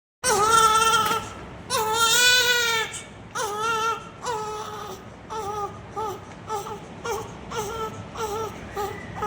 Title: Newborn crying 😭 sound effect #ytshorts #baby #hospital #neonatal